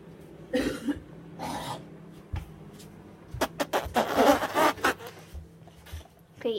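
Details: Cat shown while the mother coughs near the end, a short burst of several harsh coughs amid room noise and nearby talk; cough.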